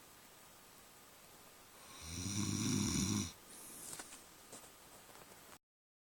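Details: Person snoring: a single loud, rough, rattling snore on the in-breath lasting over a second, then quieter breathing with faint room noise.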